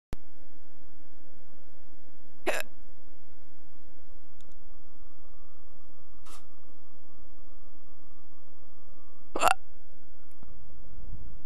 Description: random - I was hiccupping